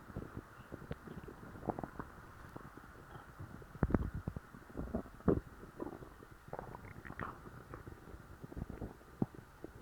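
Low, irregular gurgling and rumbling bursts from a full stomach; ordinary bowel sounds after a large meal.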